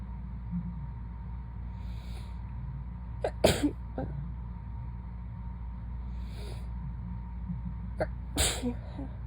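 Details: Two soft, drowsy sneezes, each a quick burst of air after a short breath in, just after being woken from a nap, over a steady background hum.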